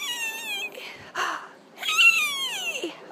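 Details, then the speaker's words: Doctor imitating a child's wheeze in enterovirus D68 illness, close to the microphone: long, high-pitched whistling tones on breathing out, separated by breathy gaps; simulated, not a real patient. "so here's what wheezing sounds like and I'm going to get a little closer to the microphone so you can hear basically you're going to hear a long high pitch sound on breathing on the way out"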